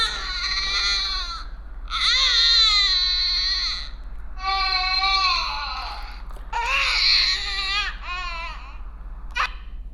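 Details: An infant gives repeated drawn-out, strained crying bursts with pauses between them in a small room, a pattern typical of a colic or gas-pain cry.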